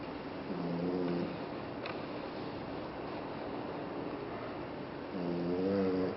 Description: French Bulldog snoring - กรนได้ใจนะ